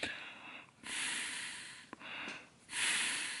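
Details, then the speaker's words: Airy hissing rushes of breath blown by mouth through a 3D-printed DIY ventilator PEEP valve after the spring tension was lowered. It now flows easily, where the tighter setting was very hard to exhale through. "so this would be way too high if I just take a breath it's very hard to exhale through"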